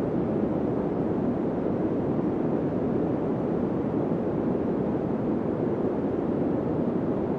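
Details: Generated narrow-band pink noise around 300 Hz, a steady low rushing sound used to find tinnitus frequency by pitch matching.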